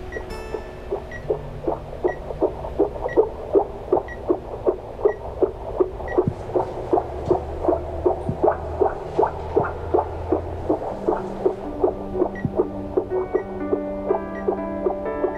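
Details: Simulated fetal heartbeat in a drama scene of a pregnancy check with music over it: rapid, regular whooshing pulses at about 155 per minute.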